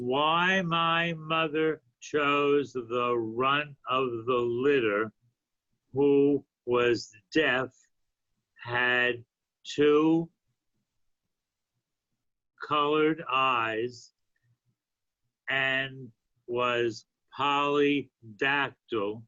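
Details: Adult man with aphasia after a stroke a few years earlier, telling a story he made in an intensive reading and writing therapy program; aphasia.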